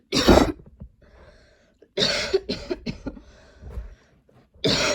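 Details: Repeated harsh coughs in clusters with throat clearing between bursts, in a person with ongoing long coughing spells and a lingering throat tickle; persistent cough.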